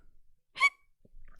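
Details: A single short, sharp hiccup from an adult, with quiet room noise around it: hiccups.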